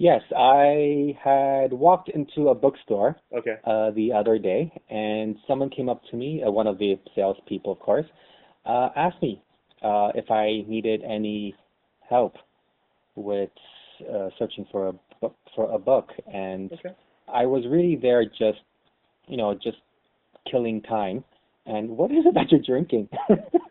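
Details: Lifelong stuttering in an adult co-host, real, conversational speech in a casual webcam chat among stutterers; stuttering.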